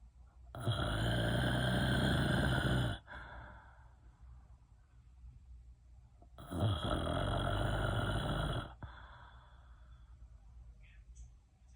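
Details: Snoring: two long, loud, rattling snores on the in-breath with quieter breathing between.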